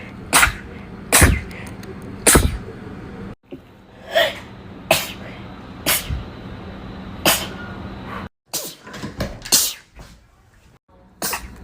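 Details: Person sneezing repeatedly; a rapid series of short, sharp sneezes, about nine bursts, over steady room hum; sneezing.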